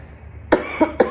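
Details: Two or three short dry cough bursts in a quiet room, from a 17-year-old giving a class speech; he suspects a cold coming on, with a dry throat and chronic coughing.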